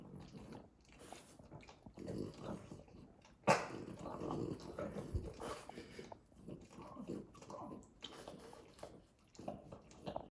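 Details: Wet licking and snuffling with repeated funny nasal snorts from a French Bulldog while licking and grooming himself.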